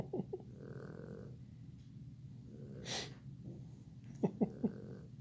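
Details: Popeye snoring in the background while a kitten plays with a toy: soft rhythmic snoring breaths under brief squeaky toy and room sounds.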